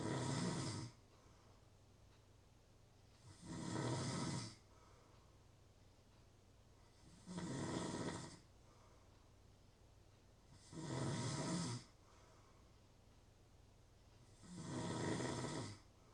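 Regular loud snores on each breath, about 17 a minute, with quiet gaps between: ordinary heavy snoring.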